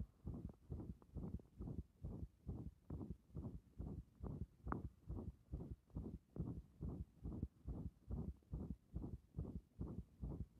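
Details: Regular, low, paired heart thumps at about 70 beats a minute, heard through a stethoscope pressed directly onto the chest.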